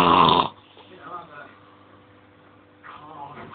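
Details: Adult man asleep, snoring very loudly; one loud, harsh snore followed by quiet breathing and the start of another; snoring.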